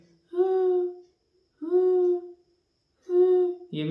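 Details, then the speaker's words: Expiratory grunting in a child with pneumonia, a serious sign: repeated humming groans with each breath out, about 44 a minute. "कुछ pneumonia में आवाज आती हैं जैसे"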